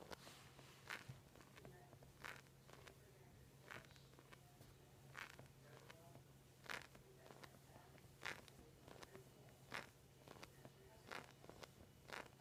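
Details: Knee crepitus: sharp cracking and crunching clicks recurring with each knee movement, roughly forty a minute, over a steady hum.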